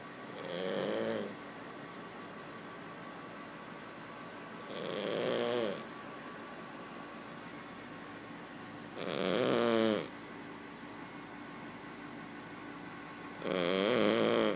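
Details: Regular snores every four to five seconds, around 14 a minute, each a short buzzing in-breath from a sleeping King Charles Cavalier puppy, quieter than usual for him; snoring.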